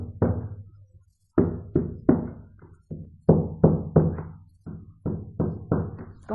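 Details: Chest percussion during a prehospital assessment for pneumothorax, tapping with the fingertips; a hollow, balloon-like note suggests air in the pleural cavity, a possible sign of pneumothorax. Chest percussion note.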